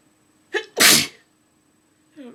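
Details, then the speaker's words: Induced sneeze in a slightly stuffy person: a quick breath in, then one forceful, hissing, explosive, somewhat wet sneeze and a brief voiced sound; the sneezer says it hurts; a sneeze. "ow it's hurting my god there are huge sneezes today oh sorry that was gross"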